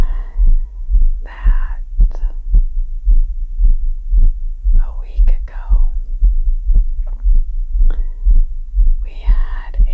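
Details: Own heartbeat recorded while recovering from yardwork, felt pounding in the chest: fast, regular, deep thumps near 115–120 per minute with whispering over them; rapid heartbeat after exertion (sinus tachycardia).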